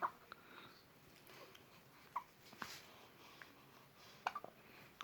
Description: Hiccups in newborn baby.